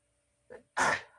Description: I woke up sneezing so hard in the morning!!!